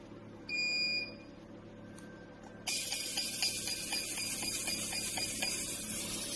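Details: 755nm Alexandrite and 1064nm Nd:YAG laser hair removal machine tested before shipping: short electronic beep, then a steady loud hiss with rapid regular clicking pulses, about four a second.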